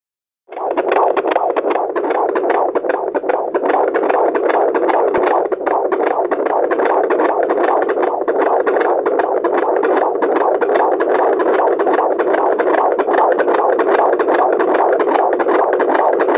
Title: HEARTBEAT